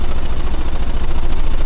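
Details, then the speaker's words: High-frequency chest wall oscillation vest used by a C5 quadriplegic with paralyzed abdominal muscles to aid coughing and clear lung secretions; steady rapid low buzzing pulses shaking the chest, usually run about 20 minutes at a time. "again i just thought i'd share this to you it literally shakes me and usually i do about um 20 minutes at a time of this"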